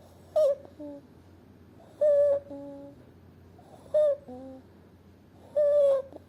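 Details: Infant boy (day 209) with bilateral vocal cord paralysis: noticeable high-pitched squeaky inspiratory stridor on every breath in, about 33 breaths a minute.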